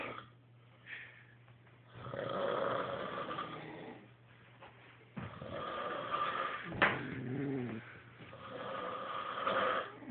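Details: Snoring: loud, rasping snores roughly every three seconds, with a sharp snort in the middle.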